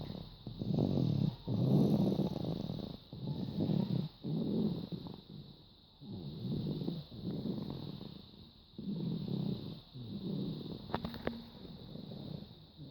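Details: Baby snoring during sleep: low, rattling snores with each breath, about 20 breaths a minute, steady and rhythmic.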